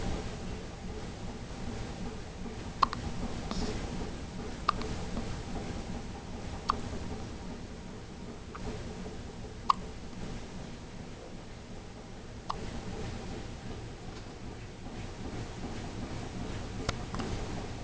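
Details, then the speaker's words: Soft, brief clicks about every two seconds over a low room hum from a 7-day-old baby girl who has had hiccups about 20 times in her first week; newborn hiccups. "well little miss taylor is one week old today and she has the hiccups yet again she's probably had them about 20 times now in the last week haven't you huh"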